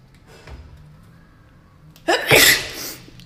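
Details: Girl cleaning out her kitchen spice drawer keeps sneezing from the spices: a quiet lead-in, then one sharp, forceful sneeze with a hissing burst of air that trails off; sneeze.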